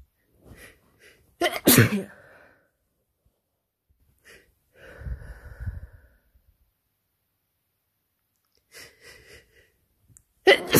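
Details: Cold during allergy season, runny nose, exhausted: several forceful, wet, nasal sneezes with sharp bursts separated by quiet pauses; repeated sneezing.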